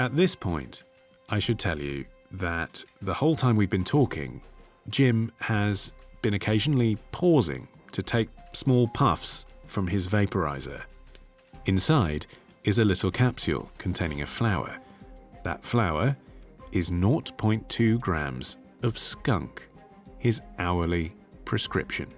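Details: Adult male narrator; typical speech.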